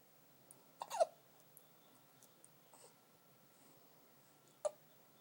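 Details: Hiccups, with the recording noted only as "7 weeks" (possibly age): two or three short, sharp hiccup sounds a few seconds apart over quiet room noise.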